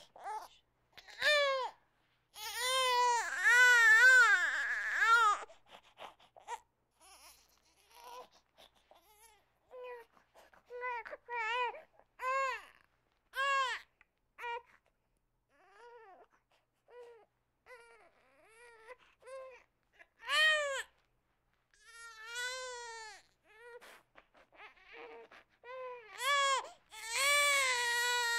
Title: Sound Effects - Baby Crying